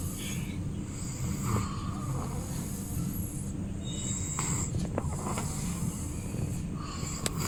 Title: Baby snoring (ख़र्राटे )😱 itne jor se kharrate #babyvoice #cutebaby #babysounds #babyvideo #snoring